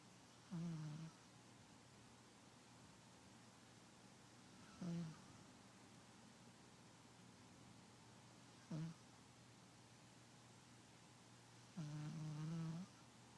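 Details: Overweight pet cat that snores and sleeps in strange positions: four soft, buzzing snores at irregular intervals, about 15 a minute, over quiet room hum; cat snoring.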